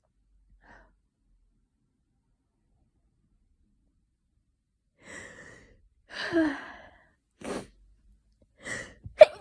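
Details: Several sneezes in quick succession after quiet, each with a gasping inhale and a sharp burst, a sneezing fit with an itchy nose; possibly hay fever from tree pollen in London, or a cold.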